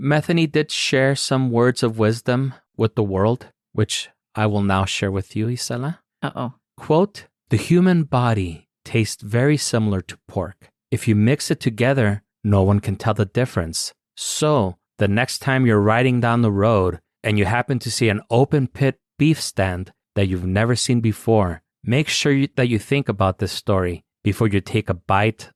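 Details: Adult male narrator, likely synthesized voice; normal speech.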